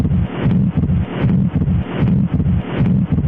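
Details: Atrial septal defect: regular heart sounds near 77 per minute with a soft ejection systolic murmur and fixed split S2, from an auscultation quiz clip.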